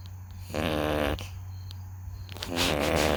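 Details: Sleeping puppy snoring: two loud, buzzing snores with a steady room hum behind.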